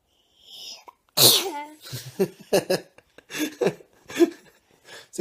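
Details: Baby's sneeze: a sharp, high infant sneeze followed by adults' voices reacting.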